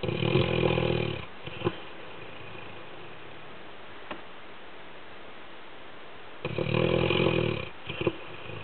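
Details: Labrador dog snoring while asleep: loud rattling snores lasting about a second each, with a long quiet pause between.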